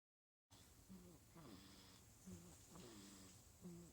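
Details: Preemie baby boy falls asleep before his bottle feeding, bib on, and snores loudly: soft, irregular snorting and nasal snoring with short squeaky vocal edges, quiet room.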